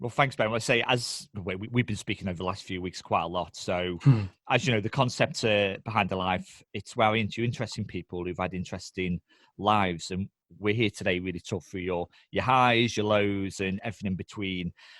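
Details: Adult male speaker; ordinary speech.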